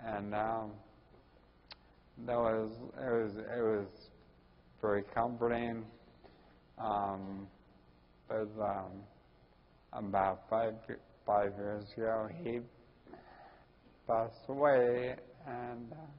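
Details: Ataxic dysarthria in a 41-year-old man with Friedreich's ataxia, diagnosed at almost age 20.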